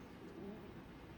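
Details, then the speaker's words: An adult's stomach, heard while preparing a chicken shawarma wrap, makes a quiet, low, wavering gurgle lasting about a second over faint room noise; stomach growling (borborygmi). "And then we have, and if you hear that, that's my stomach growling because I know this is going to be good."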